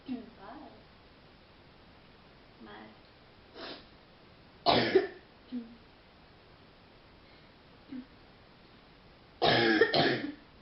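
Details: Girl on a phone call, under the weather, with a sore throat: deep, chesty cough interrupting her conversation; real, not acted.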